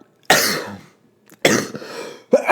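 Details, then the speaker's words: Adult man with a lingering cough after being very sick for a month: two harsh cough bursts and the start of a third. "I got sick very sick for the entire month of October and so I saw the linger and cough so if you hear it that's why"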